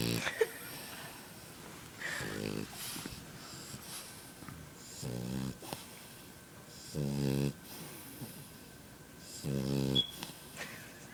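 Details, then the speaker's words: Loud, buzzy snores about every 2.5 seconds with quiet breathing between, from a sleeping French bulldog puppy that keeps snoring with its eyes open and does not wake. "His eyes are open and he's still snoring."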